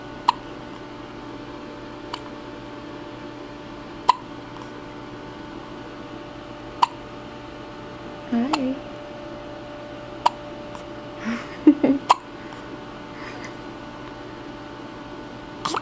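Short, sharp hiccups recurring every two to three seconds, about seven in fifteen seconds, over steady room hum with a few quiet voiced sounds.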